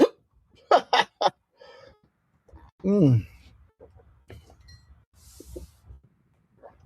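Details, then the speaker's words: Adult man with hiccups while talking: three quick, sharp voiced hiccup bursts, then a short laugh. "Okay, this next story. I'm sorry you guys. I got the hiccups."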